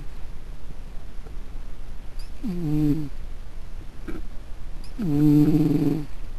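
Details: Snoring.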